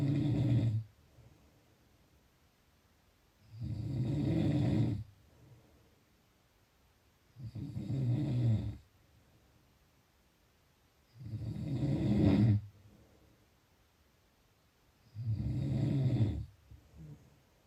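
Five loud, rough snores on the in-breath, about four seconds apart with quiet pauses between, roughly 16 breaths a minute. Typical snoring.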